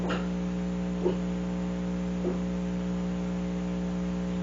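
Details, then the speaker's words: Male pet cat vomiting, which the owner thinks came from eating too much too quickly; he is also prone to hairballs. Three brief wet heaving sounds about a second apart over electrical hum; cat vomiting. "that's the sound of one of my cats vomiting my baby boy just got sick I don't know why they uh they just ate too much too quickly"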